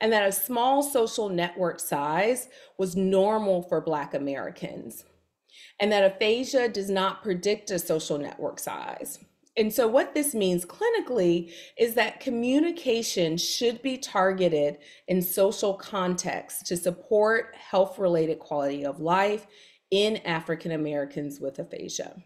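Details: Adult woman speaking; typical speech.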